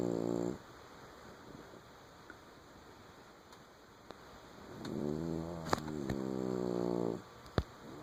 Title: Bugsy snoring